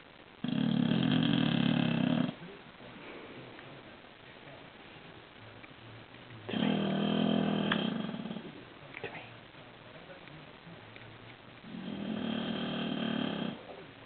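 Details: Three loud, long, rumbling snores with quiet gaps, about 13 breaths/min, from a sleeping bulldog; heavy snoring.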